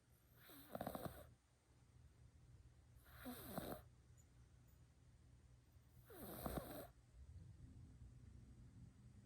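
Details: Cat asleep on a couch, snoring loudly: three soft, rumbling snores on the in-breath a few seconds apart in a quiet room.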